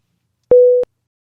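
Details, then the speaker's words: A single short steady tone, about a third of a second, from a ZOLL LifeVest wearable cardioverter defibrillator: gong alert prompting the wearer to follow on-screen instructions. "if however you arrive on the scene and you hear a single tone alert or a gong from the lifevest wcd the device may be alerting the patient to follow instructions displayed on the monitor screen"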